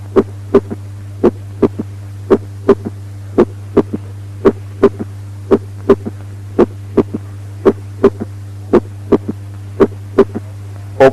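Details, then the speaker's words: Regular heartbeat about 56 per minute, each second sound followed about 150 milliseconds later by a soft, low extra sound: third heart sound (S3 gallop). "Third heart sound occurring 150 milliseconds after the second heart sound with a soft quality."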